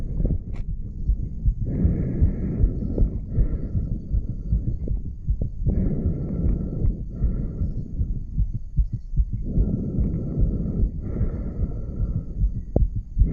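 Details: 34-year-old male, stethoscope at the aortic valve area: steady low heartbeat thumps at about 75–80 per minute with breathing noise over them, normal heart sounds.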